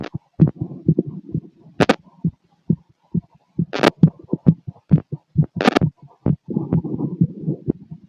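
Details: Rapid heartbeat (tachycardia) in a male, heard through a stethoscope on the chest: fast, dull thumps at roughly 130 per minute with scraping and rubbing noises.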